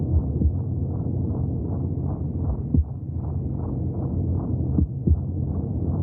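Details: Fast, steady whooshing pulses, about 160 a minute, over a low rumble: fetal heartbeat heard from inside the womb.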